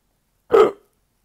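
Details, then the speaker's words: A single abrupt, short hiccup in near silence from a person with persistent, exhausting hiccups a week after a trip, diagnosed with a serious bacterial infection; many home remedies have not helped. "urning from a good trip in Europe I was diagnosed with a serious bacterial infection but the worst part is these hiccups and uh"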